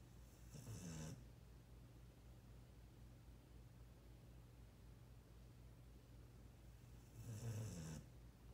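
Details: Two low, rumbling snores about seven seconds apart, with quiet pauses between, from a sleeping 16-year-old dog named Buddy; snoring.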